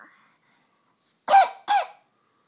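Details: Baby boy: two short, voiced coughs in quick succession, each a sharp burst with a brief tonal catch, then silence; infant cough.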